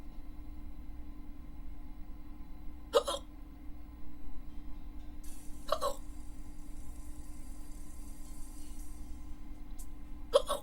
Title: Hiccups(audio only)